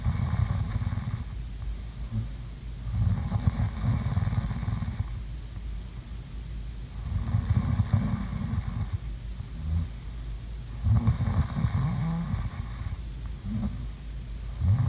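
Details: Sleeping snoring sounds: low rumbling snores with each breath in, about 16 a minute, separated by quieter breathing out; ordinary snoring.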